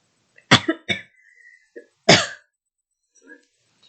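Three sharp, harsh coughs, the last the loudest, in a quiet room: an adult's cough during COVID-19 (Omicron) illness.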